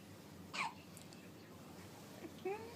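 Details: Child with hiccups: a sudden, sharp gulping hiccup, then a shorter voiced catch a couple of seconds later over quiet room noise.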